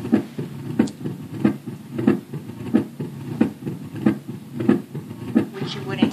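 Simulated heart sounds at about 90 beats a minute, with a mitral stenosis murmur heard at the mitral area.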